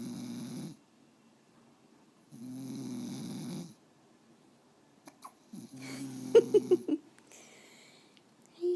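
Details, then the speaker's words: Louie snoring and hiccuping: soft snores with a nasal buzz, followed by a run of short, sharp hiccups. "You have the hiccups. And you're snoring."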